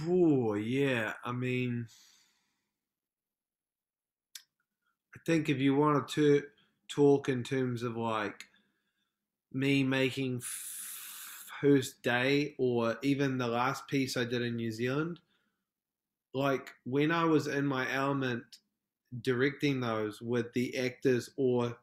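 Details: Adult male film director from New Zealand, a self-described proud person who stutters, with a real stuttering, heard in podcast interview speech: stuttering.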